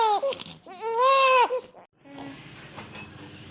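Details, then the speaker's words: Newborn's first cry right after a vaginal birth at 39 weeks, 1 day, without epidural, pushed out from 8 cm: loud, clear, high-pitched cries, then quieter room sounds; a normal first cry. "And this is what happened. Oh God, the baby's head is out."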